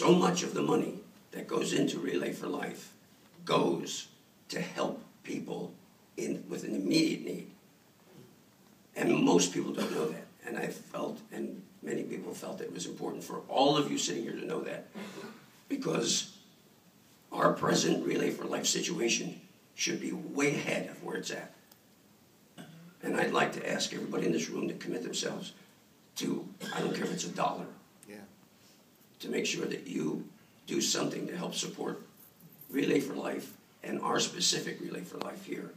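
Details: Dysphonia in an adult male throat cancer survivor, 14 years after treatment with simultaneous radiation and chemotherapy.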